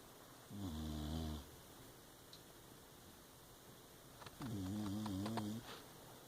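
Two loud, buzzing, vibrating breath sounds about four seconds apart over quiet room noise; snoring in a sleeping dog.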